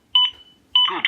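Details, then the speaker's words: Zoll AED Pro defibrillator training: two short electronic beep chimes acknowledging that the rescuer has corrected poor-depth chest compressions; the metronome beat indicates CPR at correct speed. "a metronome beat indicates CPR at the correct speed CPR of poor depth will be indicated by the unit if the rescuer corrects their performance this is also indicated"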